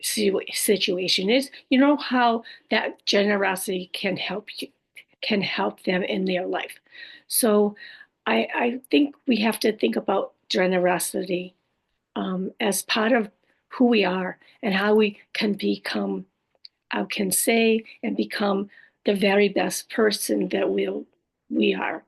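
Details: Adult woman after a stroke with aphasia (language disorder) plus apraxia of speech and dysarthria; her speech can sometimes be hard to understand; aphasia with apraxia of speech and dysarthria.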